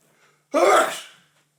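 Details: A single loud, explosive sneeze from a tickly nose, with a sharp onset fading over about half a second in a quiet room; labelled "(M)".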